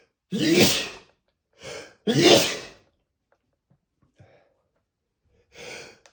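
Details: Spraying sneezes in a male, not stifled: two loud, forceful sneezes, each preceded by a gasping in-breath, then a softer breath.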